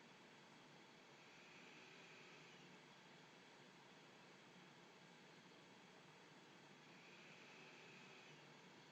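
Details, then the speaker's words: A Z1 travel CPAP machine running on a desk, turned up to a pressure of 10: a steady soft airflow hiss with a faint motor hum, judged an acceptable noise level. "so look at the end of the day I think that's uh really really acceptable level of noise especially considering it's right up here on the desk"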